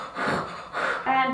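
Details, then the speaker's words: Simulated collapsed adult man in a CPR competition scenario, diagnosed with pneumonia three days earlier, possible COVID-19, pulse present: two short, noisy, gasping breaths with rough crackles. "noisy you can hear noisy crackles"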